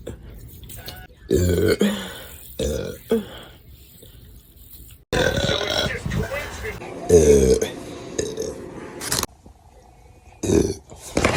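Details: Burp compilation: several loud, low, rumbling belches in a row separated by short quiet gaps; repeated burping.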